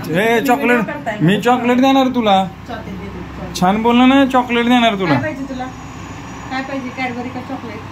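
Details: Adult woman speaking to a child; Normal adult speech.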